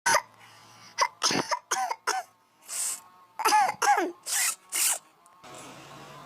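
A run of about ten short, harsh, partly voiced coughs in quick bursts, with faint room noise between them; repeated coughing.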